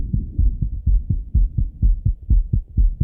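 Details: Male's own heart heard through a stethoscope right after returning from a run: fast, regular, strong thumping at about 125 beats a minute; normal heart sounds with a raised rate after exercise.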